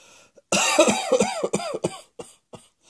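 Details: An adult's rapid run of about five harsh coughs in quick succession, trailing into two fainter coughs; a bout of repeated coughing.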